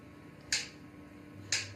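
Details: Two sharp, loud clicks about one second apart over quiet room noise: magnetic pulses from a transcranial magnetic stimulation coil during a 15-minute session, subject held still on a chin rest, feeling pressure like a ballpoint hammer; experimental rTMS.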